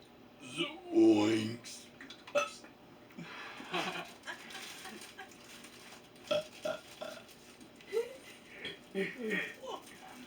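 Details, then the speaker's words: Loud, drawn-out, low rumbling belch during a burping session with a nephew's friend, followed by quiet talk in a small room; burping. "I've had burps like that before. I couldn't hold it in."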